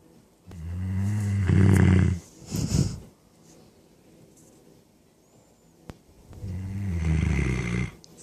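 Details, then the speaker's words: Sleeping puppy snoring, said to sound like an old man: loud, deep, rattling breath sounds with a snort between them, in a quiet room. "snoring. Sounds like an old man."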